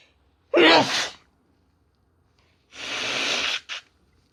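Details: Sneezing: two sneezes from a woman, each a sharp voiced inhalation-burst followed by a loud hissing expulsion.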